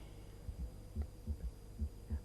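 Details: Third heart sound (S3) heard on stethoscope during a cardiac physical examination.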